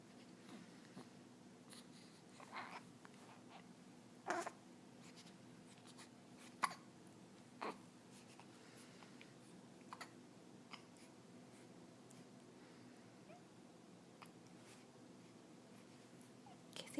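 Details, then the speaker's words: 14-day-old baby girl with hiccups: brief sharp catches at irregular intervals in a quiet room, a big one noted; common harmless newborn hiccups. "You got the hiccups? Oh no. Oh, it's a big one."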